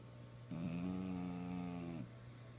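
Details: Female bulldog snoring while sleeping very soundly: one drawn-out, tonal, groaning snore over a steady low hum, with noisy breathing in sleep.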